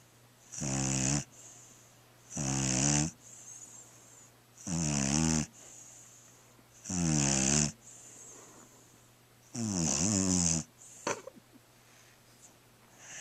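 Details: Little black dog asleep, snoring: loud, buzzing, tonal snores about 26 a minute on each in-breath, faint hiss between, steady room hum.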